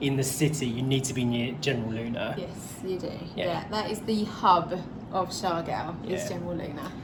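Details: Adult speakers, conversational; normal speech.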